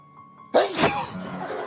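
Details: One loud, explosive sneeze with a noisy release while tasting very spicy chili dishes on a TV show, where the hosts sweat and cough from the heat, followed by studio background music.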